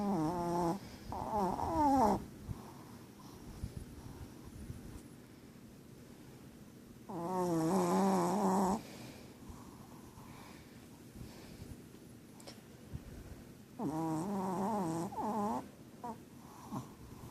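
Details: Long, rough, rumbling breath noises spaced several seconds apart from a sleeping dog; snoring.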